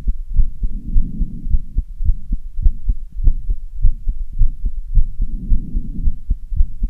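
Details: Fast, steady heartbeat at about 107 beats a minute after half an hour of running on stairs, with tiredness and heavy breathing; a normal quickened rhythm after exercise (sinus tachycardia).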